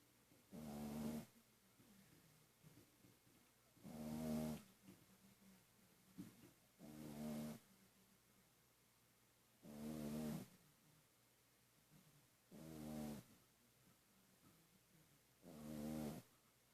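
Regular rumbling snores about every three seconds, roughly 20 per minute, with quiet breathing between.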